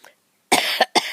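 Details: A person coughs while talking outdoors and filming flowers, having said they expected to start coughing once they began talking: three short, harsh cough bursts in quick succession after a brief pause.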